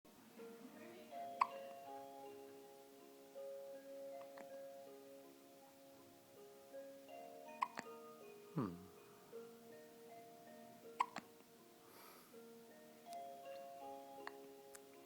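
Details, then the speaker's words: Baby boy with hiccups, possibly from eating too fast, while parent soothes him: repeated hiccups. "Hang in there, bud. Hiccups don't last forever. They don't."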